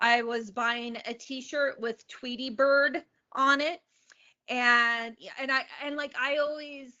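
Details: Stuttering in an adult woman, onset at age eight; open about her stutter.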